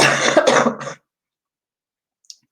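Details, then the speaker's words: Adult with a terrible cold and cough during a live stream: one short, harsh cough run with a throat-clearing quality, then silence; described as a nasty bit of cough. "I'm gonna pause for a brief second Clem sorry that was a nasty bit of cough comin"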